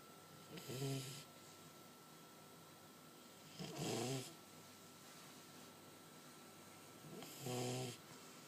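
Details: Duke snoring: soft, buzzing snores with a slight whistle, about 18 a minute, against a steady background hum.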